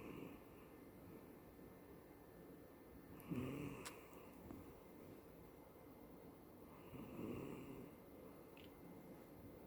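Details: Elderly female cat, nearly 18 when she died about ten months after recording, dreaming and twitching in sleep, gives two soft snoring breaths with faint snorts about eight seconds apart in a quiet room; snoring.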